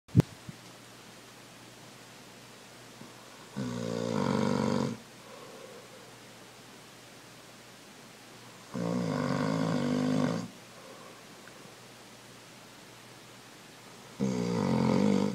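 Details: Loud, rough snores about every five seconds, roughly 12 a minute, with quiet breathing between them: snoring.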